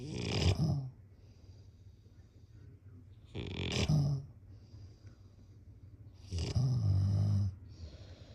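Loud, rattling snores in a slow, steady rhythm, about 18 breaths a minute, with quiet gaps between: snoring during sleep.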